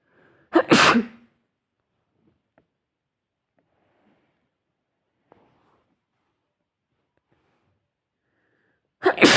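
Two loud, sharp sneezes several seconds apart, with quiet in between; ordinary sneezing.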